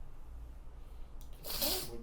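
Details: Adult sneezing: low room hum, a couple of brief catching breaths, then a single sudden, forceful, voiced sneeze.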